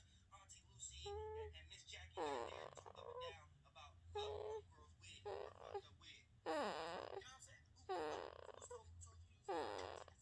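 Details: Sleeping baby boy: short grunting and squeaky vocal noises in bursts, with a low hum in the room; infant noises during sleep.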